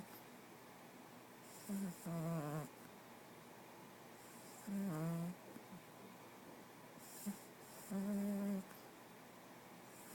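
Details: 8-week-old, tired from playing, snoring: three rough, buzzing snores about every three seconds, roughly 19 a minute, with quiet between; snoring.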